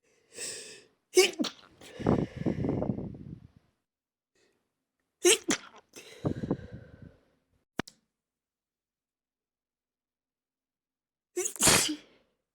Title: 400 subs special // stifled and normal sneezes